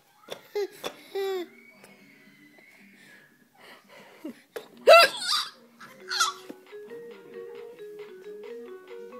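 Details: Adult's hiccups: a few short, sharp hiccup sounds mixed with a young child's giggles and soft music.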